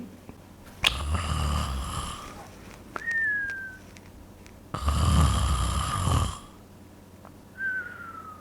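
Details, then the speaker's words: Snoring with a nasal whistle: two deep rumbling snores, each followed by a thin high whistle from a partly blocked nose as the sleeper breathes out. "it comes from the nose and it's called wheezing the word describes the noise wheezing and this is a sound your nose makes when it's a little bit blocked air tries to get through resulting in this wheezing"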